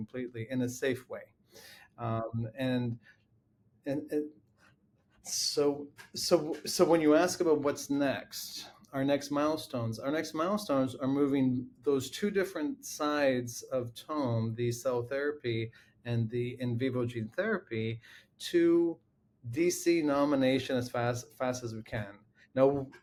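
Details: Adult man with a lifelong stutter that runs in his family; long pauses break his words and one word is repeated many times. Finding: stuttering.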